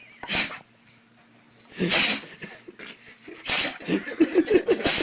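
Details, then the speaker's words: Dog sneezing: three sharp, hissing sneeze bursts followed by short snuffling breaths. "Oh, I said sneeze. Bless you. Bless you. Bless you. Anxiety sneezing?"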